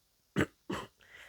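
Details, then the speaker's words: Two short, harsh throat-clearing bursts from an adult woman whose voice is still hoarse, recorded in a quiet small room. "Excusez-moi, j'ai la voix cassée encore."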